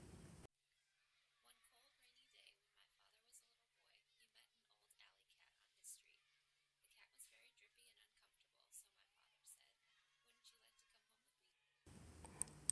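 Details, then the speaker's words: Simulation of speech as heard by a 13-year-old girl born with moderate to severe conductive hearing loss: very faint, thin, whisper-like fragments without clear words, much harder to understand than normal hearing. "As you can tell, it's much harder for Jessie to understand speech clearly. This is especially true in noisy places like a busy restaurant or a crowded classroom."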